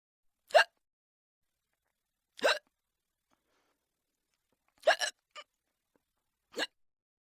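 Five short, sharp hiccups, one a double, spaced unevenly over about seven seconds in a quiet room.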